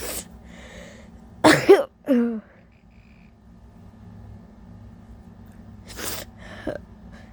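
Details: Person with allergies for several days, a sore throat, lost voice and a scratchy wet cough: two sharp sneezes close together, then a third later with a short cough-like sound, over a steady room hum; sneezing.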